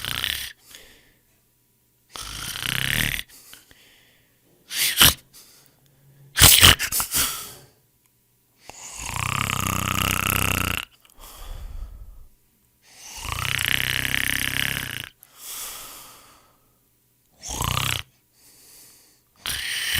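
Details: Royalty-free snoring sound effect of people snoring: loud rasping snores on the in-breath, irregular and varied in pitch, with short snorts and pauses; heavy snoring.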